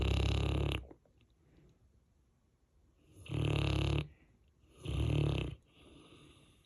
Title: Saint Bernard Deepest Sleep Loudest Snore